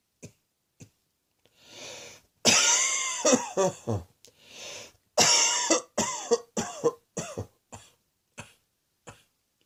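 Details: Repeated harsh coughs come in clusters, some hoarse and voiced, separated by short breaths: a repetitive, dry-sounding cough.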